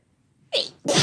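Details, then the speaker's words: Two sharp, explosive sneeze bursts in quick succession with a brief pause; ordinary sneezing from a woman or man in a sneezing compilation. "let's go that was messy yes sure was bless you"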